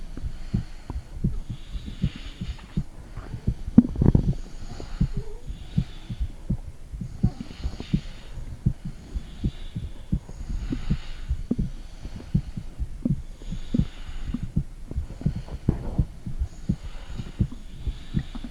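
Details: Mother's heartbeat recorded at home with a phone microphone on her stomach, possibly also checking a second heart; soft, steady low thumps with faint gurgling through the belly wall; normal heartbeat.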